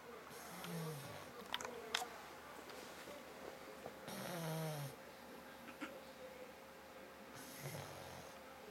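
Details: Pet pug snoring very hard while nearly awake: three snorting, rattling breaths a few seconds apart in a quiet room with a faint hum.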